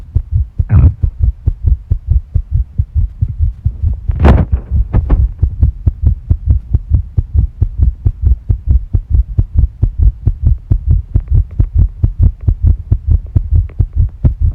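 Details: Stomach and heart sounds: fast, regular low heart thumps at about 135 a minute with a few brief gurgles, tachycardia with the heart rate increasing.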